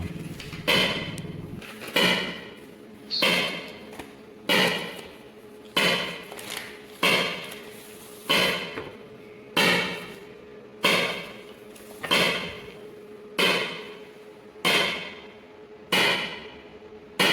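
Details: ESWL lithotripsy of a patient's left kidney stone, focused under C-arm, water-filled membrane coupling: loud, sharp, regular slapping knocks about 47 a minute, each fading quickly; shock waves breaking up the stone.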